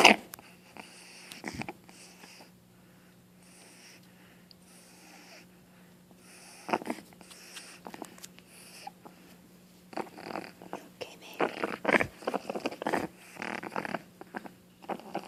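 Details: A female Boston terrier puppy gives repeated short, wet, snorting coughs, sounding like mucus or phlegm in her throat; the owner worries she is sick: cough with throat congestion.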